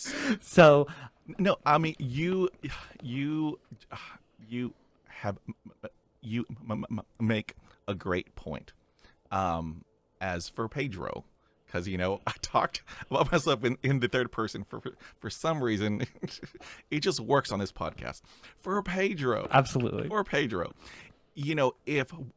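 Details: Real conversational speech from a male podcast host who stutters; repetitions are audible; stuttering.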